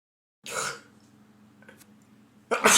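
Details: An adult man with a spring cold, also sneezing, sniffling and blowing his nose for about a week, gives a short, harsh throat-clearing burst, then a quiet pause with faint breathing, then the start of another forceful burst.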